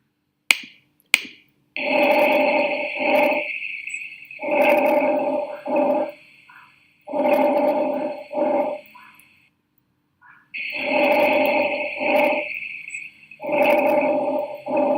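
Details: Normal breath sounds in a teaching demonstration, played for contrast before rhonchi: regular, smooth breath cycles about 20 a minute, with no rattling added sounds.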